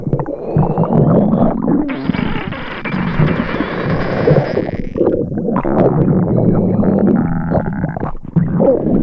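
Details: Simulated upset-stomach sound effect: continuous low gurgling and rumbling with a whining tone mixed in, imitating stomach rumbling.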